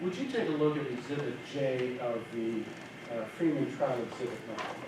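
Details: Adult male speaker; normal voice.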